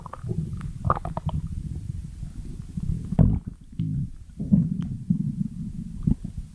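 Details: Low bubbling gurgles and rumbles in irregular bursts with brief quiet gaps; stomach growling (borborygmi).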